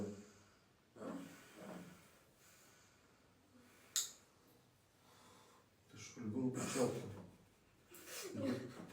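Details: During a manual therapy/osteopathy session, with the patient told to clench the jaw and keep breathing: a few short, forceful nasal snorts and heavy breaths amid low talk in a quiet room.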